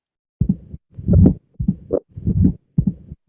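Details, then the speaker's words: Pediatric auscultation teaching example of mitral stenosis, described as seen in older children with advanced rheumatic disease: low-pitched cycles with a presystolic rumble, first sound, then second sound closely followed by a mitral opening snap, with mid-diastolic rumble. "Pero bueno, en algunos casos en niños más mayores que tengamos esto, pues cuando oigamos el tatá que sepamos que estamos oyendo el sastido de apertura nitral."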